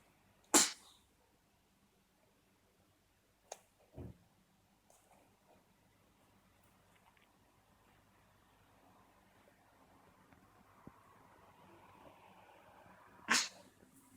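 A few sharp, short bursts of air in a quiet room with faint play noises: kitten sneezes while recovering from cat flu.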